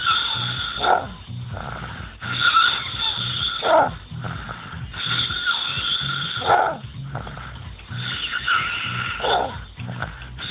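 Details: Male snoring: rough, rattling snores about every 2 to 3 seconds over a steady background hum; snoring, not wheeze.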